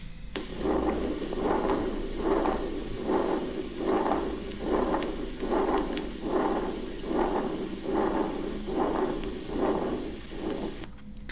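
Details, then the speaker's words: Patent ductus arteriosus murmur in a cardiac auscultation teaching recording: a continuous machinery-like murmur swelling with each beat, about 100 a minute. "Patent ductus arteriosus murmurs."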